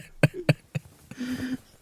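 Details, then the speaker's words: Three sharp coughs in quick succession, then a brief voiced sound, part of an adult's coughing fit while emotional and talking. "My emotions are getting the best of me. It's not coughing. The coughing is masking the tears, not the other way around."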